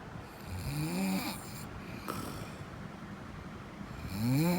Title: Snoring 5